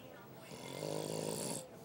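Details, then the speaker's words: Man who claims he doesn't snore, asleep: one rough, rattling snore that swells and fades over about a second; ordinary snoring. "He says he don't snore."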